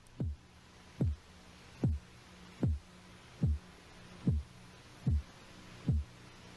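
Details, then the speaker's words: Korotkoff sounds by stethoscope as cuff deflates; regular low tapping pulse about 75 a minute, first heard at systolic about 110, diastolic about 62 mmHg. "see when you see if we can determine when you first hear the heartbeat right about there 110 is the upper number or the systolic pressure for this individual"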